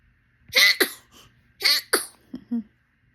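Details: Infant sneezing: two quick, high-pitched sneezes in a row, followed by small breathy sounds.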